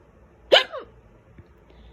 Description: Got these loud and violent hiccups after eating a small salad. Out of the blue!